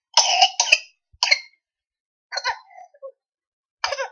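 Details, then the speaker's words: A toddler with pertussis: a rapid run of harsh coughs broken by a high, strained, whooping inspiration, struggling to get breath: whooping cough paroxysm with characteristic inspiratory whoop. "yeah so you can definitely hear that characteristic whooping inhale just really struggling to get breath"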